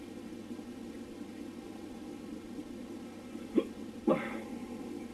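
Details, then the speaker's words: Adult male recording his own hiccups at 3 a.m., audio only: two abrupt brief throat catches about half a second apart over steady room hum: hiccups. "hey um I'm making this recording for everyone to listen to these hiccups of mine"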